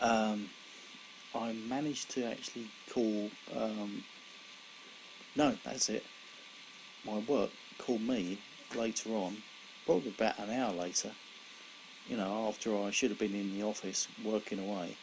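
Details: Adult man, about 17 years after a severe stroke in February 2001 affecting his right side and speech, still recovering after speech therapy; he reports slower speech than before; aphasia after stroke.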